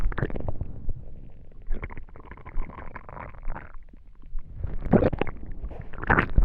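Low gurgling and rumbling noises come and go, the ordinary stomach and bowel sounds of digestion.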